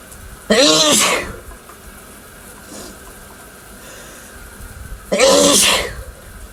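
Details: Two loud, forceful voiced sneezes a few seconds apart from an adult man showering, over steady running water; he attributes the sneezes to his cats.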